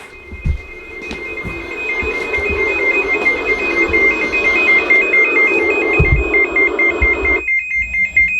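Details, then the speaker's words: Crib oxygen monitor with sensors under the mattress of a 1-month-old baby going off at home: repeating high-pitched electronic beeping over room noise. "So guys, you hear this sound? This is this thing going off. So that is an oxygen monitoring machine."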